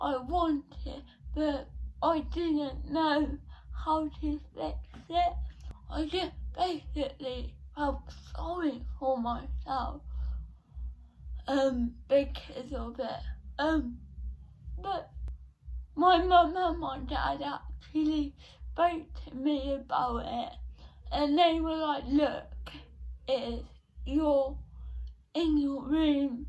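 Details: 17-year-old female with cerebral palsy since birth, diagnosed at 14 months, affecting her speech, speech therapy from an early age; dysarthria (cerebral palsy).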